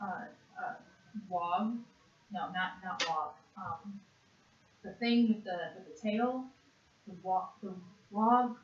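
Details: 56-and-a-half-year-old woman with severe conduction aphasia after a single stroke to the left side of the brain in June 2012, naming animals for one minute in a Western Aphasia Battery-Revised word fluency task; conduction aphasia.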